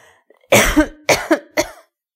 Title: Woman Coughing Sound Effect